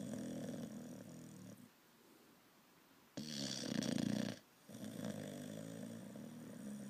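Loud rattling snores on the in-breath with quieter pauses between, a flat-faced puppy's noisy sleep breathing.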